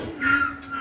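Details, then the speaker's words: Example of a wheezy cough with an echoing, breathless tail, as in long-time heavy smokers with dilated bronchi, asthma, or chronic bronchial inflammation after a cold, often worse at night or early morning; wheezy cough. "老烟枪啊，咳很久，然后这个支气管应该都已经扩张的声音，有回音还会这样子，好像吸不过气。这种咳嗽应该是可能是一个气喘，或者是他支气管有慢性发炎的病人，然后他可能得了感冒之后，咳嗽就会变成这样。"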